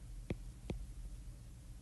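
Two dull low heart thumps over a steady hum, given as an example of an added third heart sound.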